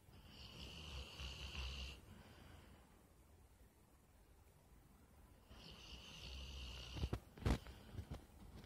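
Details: Sleeping dog, snoring loud enough to wake the owner: two whistling, rattling snores separated by a quiet pause, with some clicks and bumps near the end.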